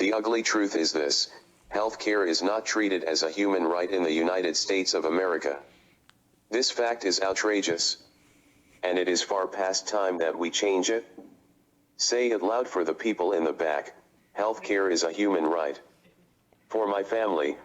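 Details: Adult using a speech-generating device; synthesized speech from a speech-generating device.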